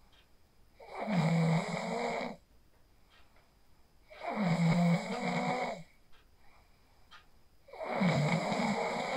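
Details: Real sleep snoring recorded on a phone after practicing the 4-7-8 breathing technique: three steady, loud buzzing snores at about 17 breaths a minute, quiet gaps between; regular snoring.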